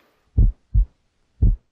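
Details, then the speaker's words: Low, dull lub-dub heart sounds; S1, from mitral and tricuspid valve closure, marks the start of systole and is best heard at the apex, louder, lower and longer than S2. "which results from closure of the mitral and tricuspid valves marks the start of systole it's heard best at the apex where it's louder lower and longer than s2"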